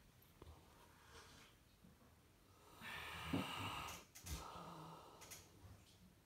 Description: Just a Saint Bernard dog snoring like a human.